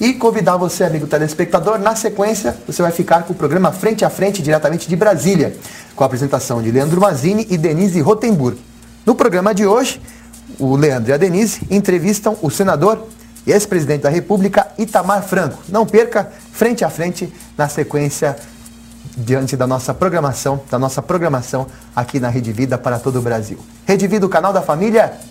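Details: Adult TV announcer; typical speech.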